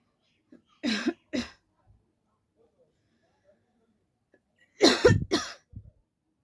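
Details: Deliberate voluntary coughing by an adult as a coughing challenge: two separate pairs of short, intentional coughs, about four coughs in total.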